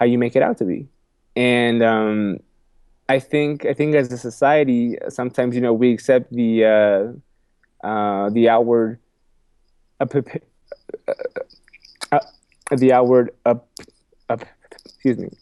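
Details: Adult man with a lifelong stutter, repeating a phrase and words several times and saying "excuse me"; stuttering.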